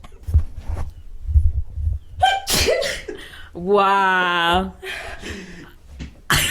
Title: Sneeze Compilation #14